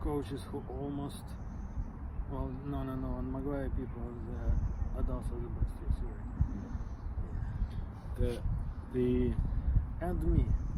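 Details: Adult who stutters and who learned stuttering-modification techniques such as cancellation from a speech therapist; stuttering.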